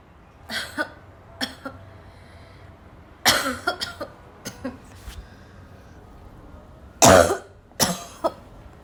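Harsh, barking coughs in irregular bursts with throat clearing between, several loud hacking coughs; a choking coughing fit.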